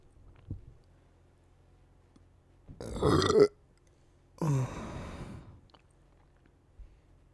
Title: deep burps